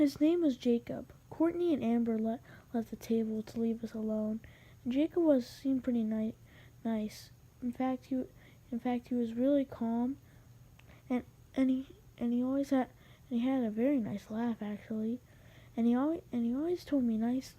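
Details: Male narrator who says he has a little stutter, with repeated words and phrases; stuttering.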